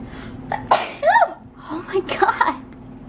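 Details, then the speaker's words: Adult woman getting ready for boxing class, feeling a little better: two sharp sneezes, each with a quick intake of breath before the burst. "I feel a little better I'm gonna sneeze yeah excuse me geez"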